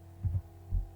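Low, muffled heart sounds with a soft rumble in diastole, fitting the murmur of mitral stenosis.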